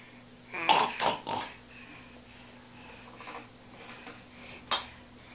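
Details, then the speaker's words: A young child (an infant per sound) deliberately fakes a cough, three short light playful coughs in quick succession, after a cold had been making the child cough; voluntary fake cough, not an illness cough. "you've had a cold and it's been making you cough and you must like how it feels to cough or how it sounds because then you fake coughing again right here"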